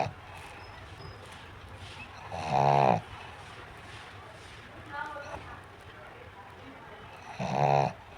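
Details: A sleeping pug snoring loudly with rattling snores every few seconds and a softer one between them; dog snoring.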